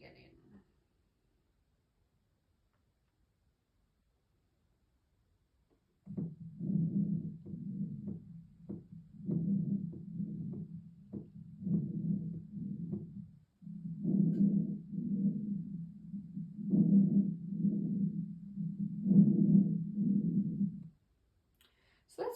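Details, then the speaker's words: Stethoscope auscultation for a respiratory assessment. Soft, low rushing breath sounds with faint heartbeat thumps, and clicking artifact from the device at the start: normal breath sounds. "first one is going to be what a normal breath sound sounds like um at the beginning you hear a little bit of clicking which is uh just artifact from the listening tool"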